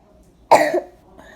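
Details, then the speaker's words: Person with a bad cough and sore throat: a single short, sharp cough in a quiet room. "teaching you how to make some milk or some kind of consistency so your throat doesn't hurt and it soothes down your throat when you have a bad cough like me."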